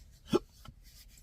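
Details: A sharp, abrupt voiced catch then a softer second click, a hiccup from an adult with chronic intractable hiccups since December 2015 after a bad surgery outcome, with choking spasms.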